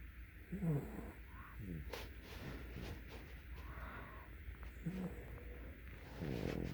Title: Teddy Snores!